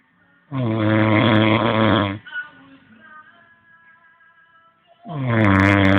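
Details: Loud, rattling, buzzy snores on the in-breath, about 4–5 seconds apart, with quiet pauses and faint background tones between them: snoring.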